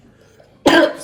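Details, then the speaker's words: Young girl with a strong wet cough during a viral illness caught at kindergarten; a doctor examined her and prescribed nebulized Pulmicort twice daily. "отакий от кашль мокрий закашлась сильно"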